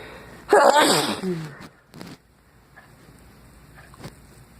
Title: I'm still sick and sneezing